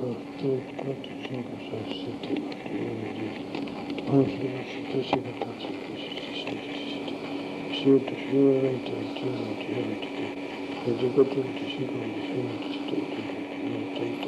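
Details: Wernicke aphasia patient counting in series, automatic language preserved (Baillarger-Jackson phenomenon) while repeating a term or part of it; Wernicke aphasia with perseveration.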